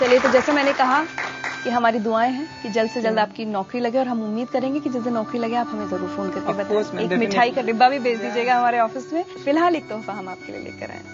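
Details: Adult woman speaking Hindi; no speech disorder.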